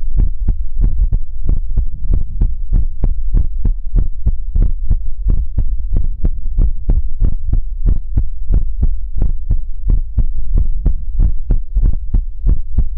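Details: Heartbeat sounds in an ASMR recording: loud, muffled low thumps in quick pairs over a steady hum, roughly 94 a minute.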